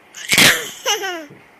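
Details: A father's loud, explosive playful "achoo" sneeze, followed at once by his baby daughter's bright laugh; sneezing.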